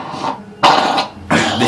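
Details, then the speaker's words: Child with developmental disability who cannot walk, sit or feed himself, with a chronically wet chest from inability to cough effectively (not acutely sick): two short, weak, noisy cough bursts; weak wet cough with chest congestion. "chest is ever wet because he's not able to cough. Like now if you can get he has just managed to cough."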